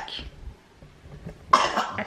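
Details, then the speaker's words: Young girl at home sick, just woken up, coughing really hard: harsh, forceful cough burst after a quiet stretch, a softer sound before it and another cough starting; cough. "can hear she's coughing really hard"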